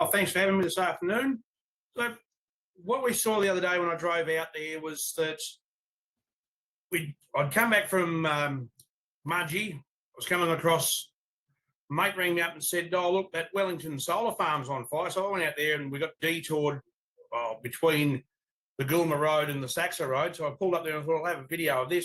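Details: Adult man speaking; normal voice.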